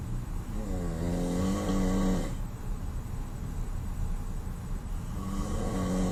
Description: Just a sample of my dad's snoring... I'm always the one to get stuck in a hotel room with him and people wonder why I'm so irritable during vacations...